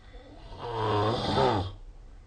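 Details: A single loud, rough, vibrating snore on an in-breath, rising and then fading away; sleep snoring.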